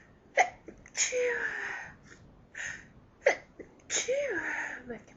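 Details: Sneezing fit from an allergy to lilies: repeated sneezes with drawn-out voiced "choo" sounds and short intakes of breath between them.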